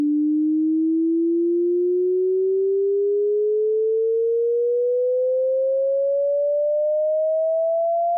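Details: A home hearing test for "ear age", stated range 20–20000 Hz: a steady pure tone rising slowly in pitch over about eight seconds, a hearing-test sweep tone.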